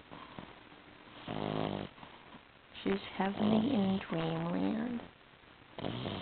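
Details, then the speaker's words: 8-week-old female puppy snoring in her sleep: nasal, snuffling snores mixed with soft whimpering or squeaky sounds. "She's only 8 weeks and already she's snoring. Imagine having this on your bed while you're trying to sleep."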